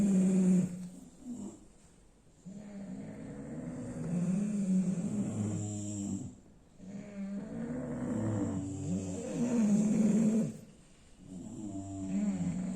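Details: Sleeping bulldog: loud, rumbling, growl-like snores in long repeated breaths, typical noisy breathing of a flat-faced dog; loud snoring.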